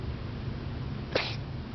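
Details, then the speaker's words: A single short, sharp sneeze-like sound from a cat against a low room hum, occurring seconds after liquid medicine; the owner is unsure whether it is a cough or a sneeze and recorded it for the vet. "So, she does that right after you give her medicine for a few seconds, which is the same as the cough that I was describing. I don't know if it's a cough or not, but there it is."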